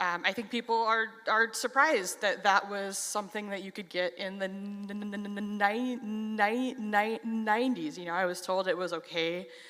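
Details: Stuttering in an adult who stutters.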